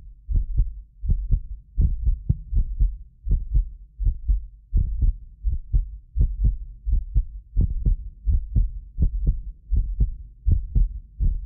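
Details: Heartbeat of a medically fit person recorded with several precision contact microphones: steady paired thumps about 81 a minute; occasional doubled clicks are a ~6 ms microphone-delay artifact. Normal heart sounds.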